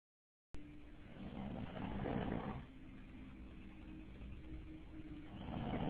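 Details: A low, rough rumbling that swells with each breath in, fades between, and starts rising again at the end; a man still snoring in sleep.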